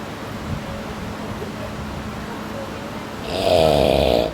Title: Very funny snoring خراٹے